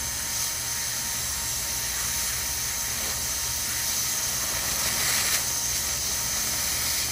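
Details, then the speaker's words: Dental air-water syringe spray and high-volume ejector suction, a steady high hiss, rinsing off etch left on a posterior tooth for about 15 to 20 seconds during sealant placement. "okay let's go ahead and wet it off this will suction off most of the top just a big bunch of it and then we'll gently just rinse"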